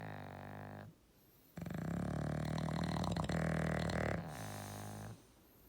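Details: Deep, loud, rumbling snores with a growling vibration, one long heavy snore between quieter ones, in a snore-off. Snoring.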